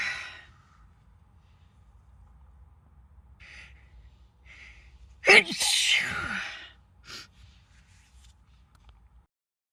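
A sharp in-breath followed by one loud, explosive sneeze with a long airy release, then soft breaths.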